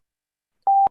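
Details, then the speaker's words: Patient on pressure-control mechanical ventilation with low tidal volume and high respiratory rate: a single short, clear, mid-pitched electronic beep after silence; ventilator high-priority alarm. "mechanical ventilation and your ventilator gives an alarm sound like this okay you can see the title volume is low it's a pressure control ventilation so there is no question of pressure going up respiratory rate is high when you get an high high priority alarm like this never switch off the alarms"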